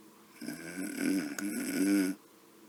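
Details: Simulated, sped-up cartoon snore: one high-pitched acted snore at night, not real sleep breathing; snoring.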